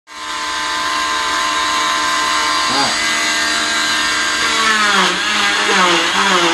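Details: Cast saw removing a girl's cast: steady high motor whine, the pitch dipping briefly as the blade meets the cast material.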